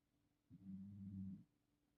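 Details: Sleeping rescue puppy snoring: a single low, rumbling snore lasting about a second in a quiet room.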